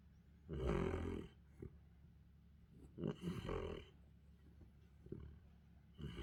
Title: My Central Asian Shepherd snoring 😴puppy